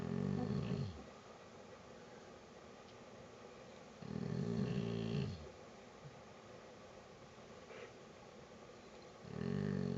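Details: Pit bull dog snoring while asleep, likened to an old man: loud rumbling snores about every four to five seconds, roughly 13 a minute, with quiet breathing between; snoring.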